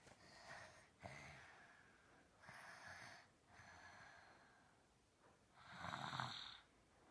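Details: Snoring with obstructive sleep apnea in a sleeping 3-year-old with nasal speech, before adenoid removal: loud, uneven snoring with noisy, effortful inspirations and irregular pauses.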